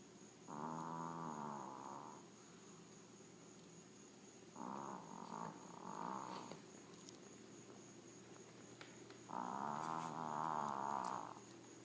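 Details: Snoring in a sleeping Maltese, a small dog: three long, loud, buzzy, rattling snores with quiet gaps between them over a steady background hiss.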